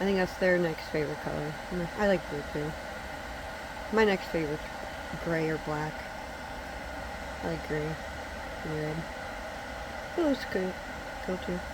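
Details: Adult woman, all teeth pulled and awaiting dentures, still learning to talk without teeth, with a speech impediment that predates the extractions; articulation disorder (edentulous speech).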